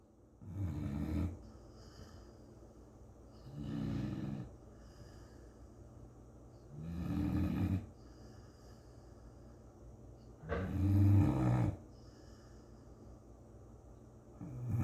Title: Luna English Chocolate Lab snore